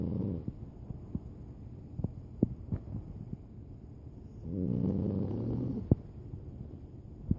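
Low, rough snoring breaths from a sleeping small dog, with scattered clicks and shuffling between them.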